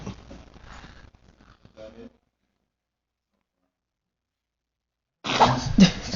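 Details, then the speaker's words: Baby girl with a runny nose. Brief quiet sounds, a pause of silence, then a sudden burst of baby sneezing. "could you have fell face you this isn't too flattering footage get off of me naan well she's not smiling I got her sneezing tho"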